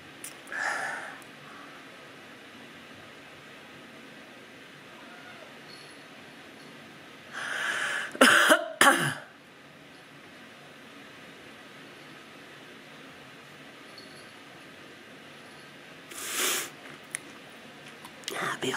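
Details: Coughing from an adult woman with a sore throat and sore tonsils who is still getting over a cold: a short cough, then a louder cluster of two or three harsh coughs, and another brief cough after a pause.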